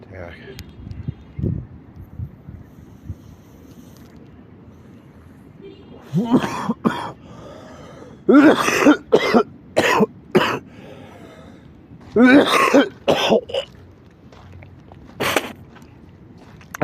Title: coughing and calming down